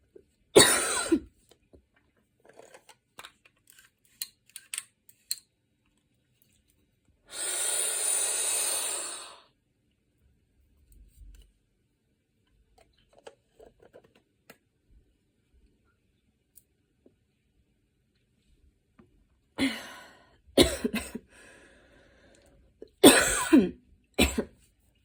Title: post run cough part 2, includes inhaler usage